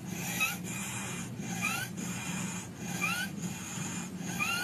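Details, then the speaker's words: Imitated saw-like rasping cough warned of in children as possible acute laryngitis: four rhythmic harsh sawing rasps with a whistling, stridor-like edge. "但是啊，这2种咳嗽声音要小心啊，一个是跟拉锯一样，"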